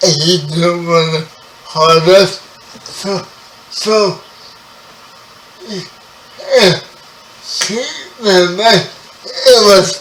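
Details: 30-year-old man with spastic quadriplegic cerebral palsy, born 11 weeks premature; his speech is affected by the condition. Dysarthria (cerebral palsy).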